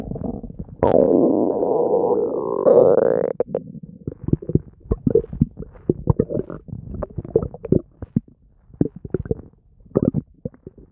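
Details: Bowel sounds (borborygmi).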